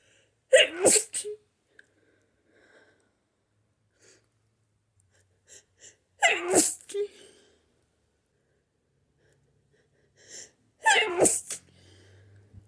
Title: Violent hayfever sneezes